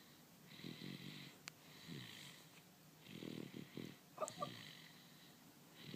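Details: Soft rhythmic snoring with low rattling breaths about every 1.5 seconds and a faint squeak, during an afternoon nap; snoring.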